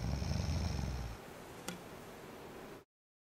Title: Does Snore?